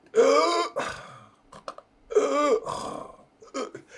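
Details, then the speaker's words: Adult imitating stridor, the harsh noisy sound of struggling to breathe with something in the throat: two loud, harsh, strained gurgling breaths, recalling a sleeping post-stroke patient a nurse feared was choking and stridoring. "So stridoring means you have something in your throat and so you're struggling to breathe. So you're making this sound, you're going,"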